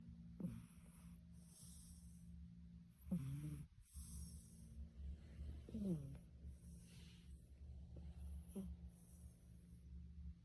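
Repeated rough, snorting breaths during sleep over a steady low room hum; snoring.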